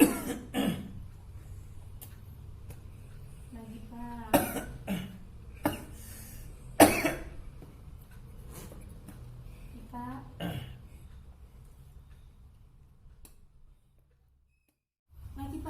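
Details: Several deliberate coughs and throat clears in a quiet room with brief talk: voluntary effective coughing demonstrated during chest physiotherapy by an anesthesiology nursing student on a 35-year-old male inpatient, a heavy smoker.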